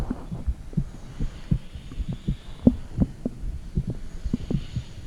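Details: Soft, muffled low thumps at a roughly steady rhythm over a faint hum: an adult woman's heartbeat recorded with a phone microphone on her stomach, where gurgling noises may also be heard.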